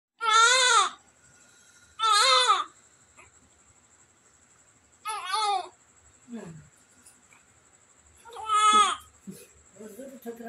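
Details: Four short, high-pitched wailing cries with pauses between, a newborn's first crying after a normal delivery; faint room noise.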